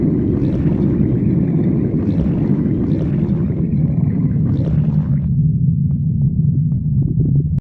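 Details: A deep, continuous rumbling gurgle that softens to a lower, steadier growl near the end: stomach growling (borborygmi).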